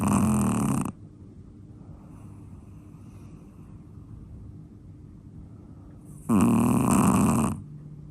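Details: A sleeping Chihuahua dog snoring: two loud, rough, fluttering snores several seconds apart, with quiet breathing between.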